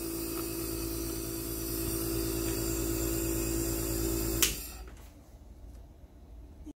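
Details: Steady mechanical hum and buzz from a Mr. Neb home nebulizer compressor running for an at-home breathing treatment, then a click as it switches off; nebulizer running.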